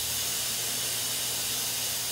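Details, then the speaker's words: Dental air and water spray: continuous hissing spray from a Yirro+ self-cleaning dental mirror system after its air-pressure switch is turned on, with pressure adjustable from minimum to large spray. "once that switch is activated you have an adjustment to adjust air pressure so you can either have minimum pressure or you have a lot of French depending upon whether you're creating a large spray or minimum water spray"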